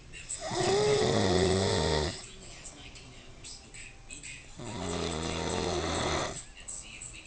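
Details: Person snoring: two long, loud, vibrating snores on the breath in, with quieter breathing between them; ordinary snoring.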